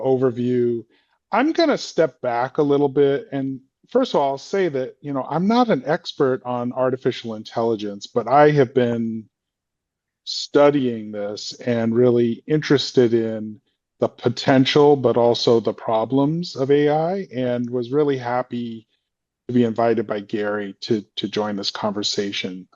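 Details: Adult man speaking; no disorder.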